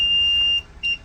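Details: LTV-1200 ventilator powering on during non-invasive ventilation (BiPAP/CPAP) setup with a test lung: a steady high-pitched electronic tone followed by a brief second beep.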